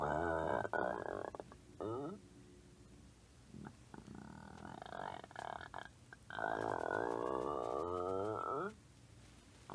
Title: Peggy Bundy's stomach growling 3